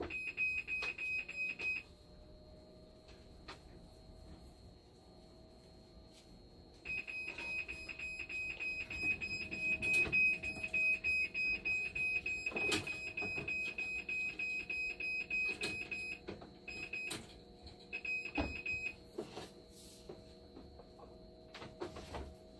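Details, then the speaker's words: Shrill, repeating electronic alarm with stretches of steady tone and short pauses, amid room noise: a dialysis machine alarm for high conductivity, reading 15.6. "Ayan mga kamakina, meron na naman tayo isang machine sa labas. Conductivity ang problema."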